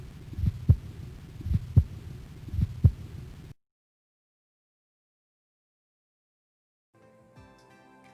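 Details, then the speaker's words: Aortic stenosis heard at the second right intercostal space: a systolic crescendo-decrescendo murmur peaking mid-systole, with a rough whoosh filling the gap between the first and second sounds over three slow beats. "crescendo decreasing though so it's increasing then decreasing with a peak in the middle to better appreciate the murmur place the stethoscope in the second right in our crystal space and here's what it sounds like"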